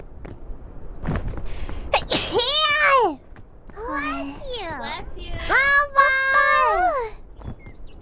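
Two high-pitched, squeaky sneezes, each a sharp burst of air running into a short voiced squeal, with faint talk in the background.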